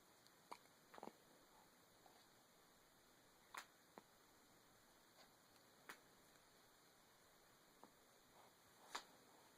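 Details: 8-day-old newborn boy's hiccups: soft, sharp clicking catches every one to two seconds over quiet room hiss.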